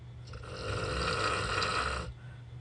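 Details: Terrible snoring heard while traveling, loud enough that the listener couldn't sleep: one loud, long, rattling inspiratory snore with a harsh throaty vibration, then quiet room noise.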